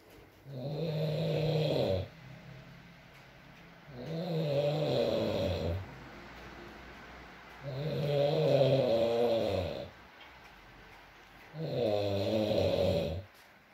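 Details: Adult male (boyfriend) snoring during sleep, ASMR recording: four long, loud, droning inspiratory snores, about 16 breaths a minute, with quiet out-breaths between.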